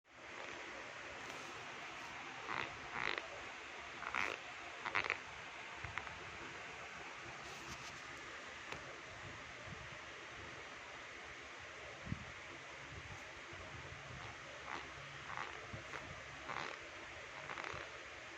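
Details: Teeth grinding (bruxism) as a mannerism: short gritty scraping and clicking bursts over a steady hiss.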